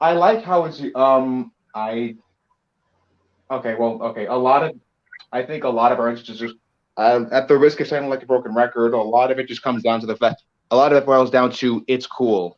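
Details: Male speaker with a self-described speech impediment; speech disfluency with word and phrase repetitions.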